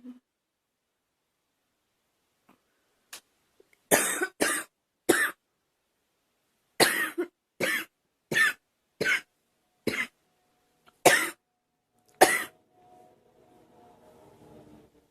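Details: Girl producing an acted, voluntary cough: a series of about twelve short, dry coughs in small clusters, followed by faint background noise.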